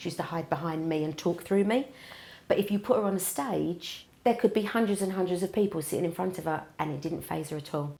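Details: Adult woman; Normal speech.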